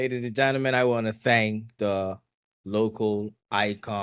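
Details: Adult male speaker; normal speech.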